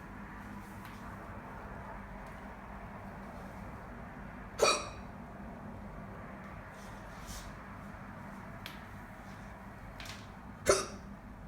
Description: Not posted in a while are too fast, got hiccups so here's a lil vid hope y'all enjoy #soluco #singhiozzo #schluckauf #hicka #hiccups #hiccuping